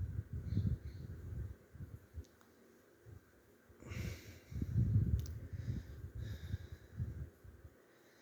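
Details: Snoring during restless sleep: low rumbling snorts and noisy breaths in irregular bursts separated by quiet pauses.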